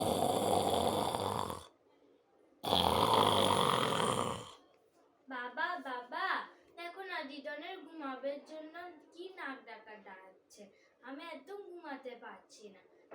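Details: Snoring during sleep in an elderly grandmother, a habitual loud snorer; snoring.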